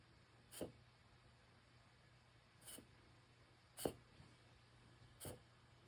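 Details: A Yorkie reverse sneezing, with four brief, quiet snorting sounds about a second apart.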